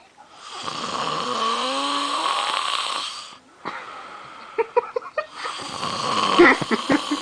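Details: Long, loud, rattling snore on an in-breath from a sleeping man, followed by snorting and irregular noisy breathing; heavy snoring.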